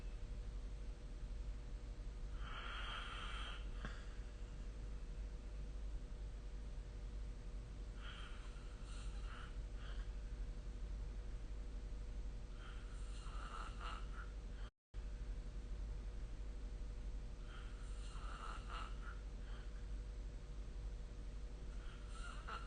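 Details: Snoring recorded with the SnoreLab app: rhythmic snorting breath noises about 13 times a minute against a steady low background hum.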